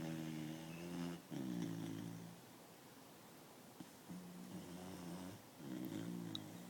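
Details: Beagle-English Bulldog mix (Beabull) puppy, asleep, snoring heavily with rumbling, buzzing snores on both inhalation and exhalation in a quiet room.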